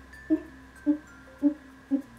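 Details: Recreated vocal tic heard as a gulping sound, from first and second grade, in a young woman diagnosed with Tourette syndrome at age four; her other tics included a throat-clearing or grunt-like sound.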